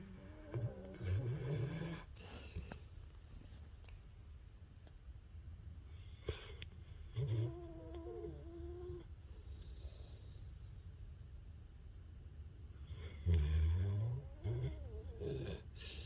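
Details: Pitbull dog snoring in sleep: low rumbling snores in a few bursts with quiet pauses between; ordinary snoring.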